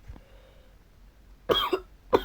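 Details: Male gamer recording commentary who apologizes for coughing and says he can't hold it back: two short, harsh coughs, the first a quick double burst, in a quiet room.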